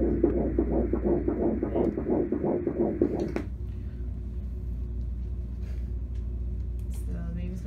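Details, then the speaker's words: Fast, regular pulsing beats at about 170 a minute for three seconds, then cut off: an early-pregnancy fetal heartbeat on ultrasound, with the yolk sac still visible, reported as sounding good. "we got to see the baby it sounded good yep they're both excited"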